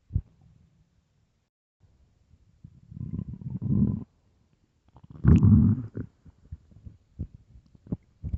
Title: bloated hungry stomach growls